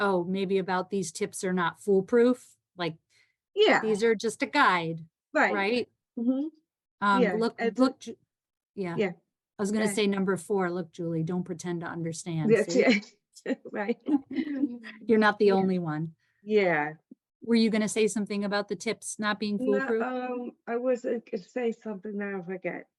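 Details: Adult female stroke survivor with post-stroke aphasia who attends an aphasia center; aphasia.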